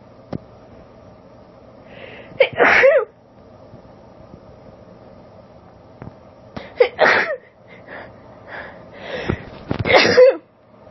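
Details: Female, allergic sneezing recorded on a cellphone: two forceful uncovered sneezes, each preceded by gasping, catching buildup inhalations, with a quiet pause between.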